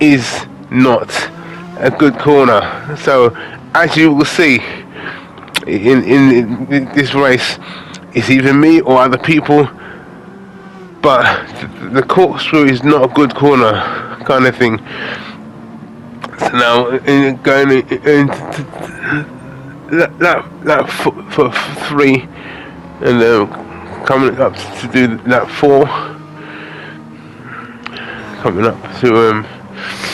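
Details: Adult man with aphasia after a major stroke in August 2013, doing gaming commentary to practise his speech; aphasia.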